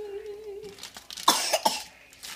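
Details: Three short, sharp, deliberately forced coughs from a young boy, after a brief voice, as he coughs on pepperoni while making pizza; the parent says he is sick.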